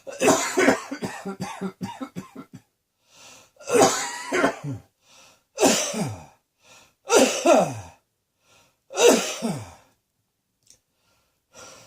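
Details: A rapid run of about eight short coughs, then four longer, harsher coughs with voiced, falling tails.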